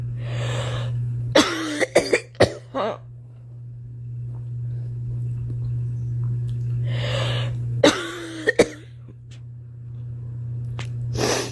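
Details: Acted coughing from a woman: two bouts of harsh, repeated coughs, each preceded by a breath in.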